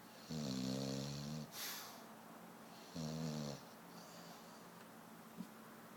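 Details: Buster snoring super loud: loud, rattling snores on each in-breath, about two in six seconds, with quiet breathing between.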